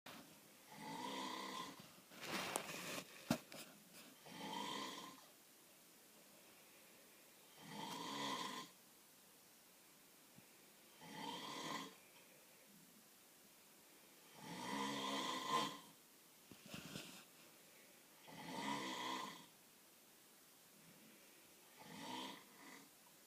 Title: Snoring in the dark